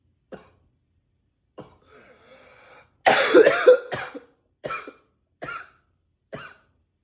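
A loud harsh cough burst followed by a string of shorter coughs and throat clearing, coming one after another. Persistent coughing.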